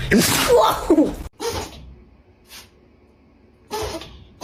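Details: A dog gives a burst of sharp, hissing sneezes, each a quick explosive puff of air; sneeze.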